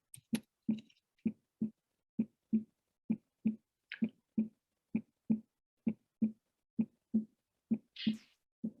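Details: Regular heartbeat around 65 a minute with a gallop rhythm, a third heart sound after the second, played as a heart failure teaching case; listeners debated S3 versus S4: S3 gallop.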